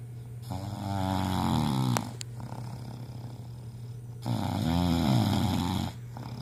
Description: Wife can't sleep from husband snoring loud.